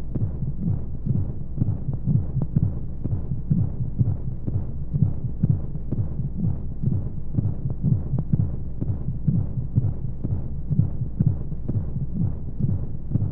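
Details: Womb-sound baby sleep aid: muffled whooshing heartbeat pulses, roughly 125 a minute, under steady rumbling white noise; heartbeat as heard from inside the womb.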